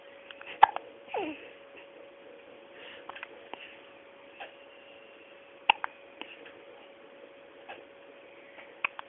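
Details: 5-day-old newborn baby boy: soft, sharp little clicks at irregular intervals in a quiet room, about five over nine seconds; hiccups.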